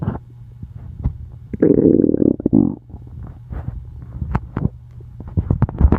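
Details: Loud gurgling, rumbling abdominal growls with bubbling pops: stomach noises (borborygmi) from a person who says they are very hungry.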